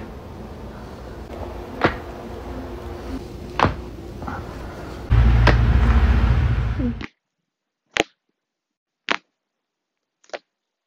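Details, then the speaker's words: Back joint cracking during a manual adjustment: a series of sharp, dry pops and clicks from the back. "And then it's my back, which is the big one, so."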